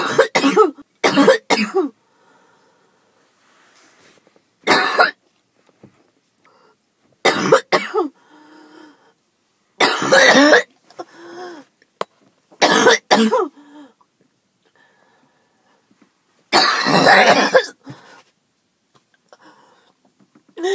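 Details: Person after skipping breathing treatments several times in a row, possibly allergies, with chest pain: repeated harsh hacking cough bursts in clusters, with gasping breaths and quiet pauses; hacking cough.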